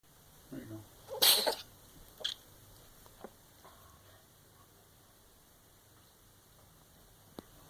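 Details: One sharp, explosive cough with a few short snorting sounds around it, over a faint background hiss.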